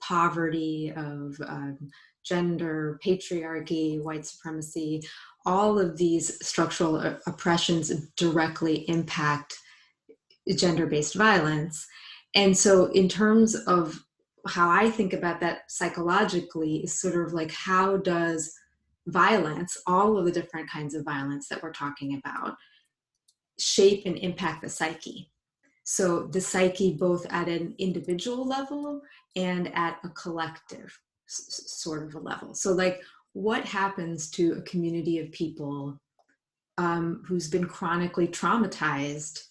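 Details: Woman, a psychologist, who identifies herself as a person who stutters, speaking spontaneously in English on a live panel. Stuttering.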